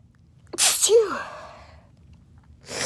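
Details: Deliberately induced quick sneeze: a sharp inhaled catch followed by one explosive, hissing burst with a voiced tail, a single sneeze.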